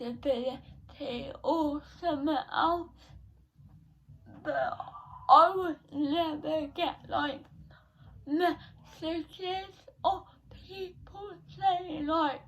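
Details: 17-year-old female with cerebral palsy since birth, diagnosed at 14 months, affecting her speech, speech therapy from an early age; dysarthria (cerebral palsy).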